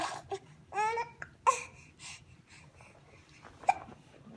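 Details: 6-month-old baby hiccuping while blowing raspberries in her high chair: babbling broken by a few short, sharp catches of breath, about three in four seconds; hiccups.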